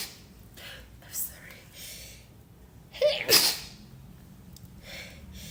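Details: Induced sneeze after tickling: soft breathy sounds build to a catch of breath, then one sharp, forceful sneeze burst, then quiet breathing. Sneeze.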